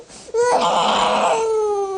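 A young infant gives one loud, sustained, high-pitched wail that starts abruptly and slowly falls in pitch. It is a protest cry during nasal clearing in chest physiotherapy, not a cry of pain, and it stops when the handling stops.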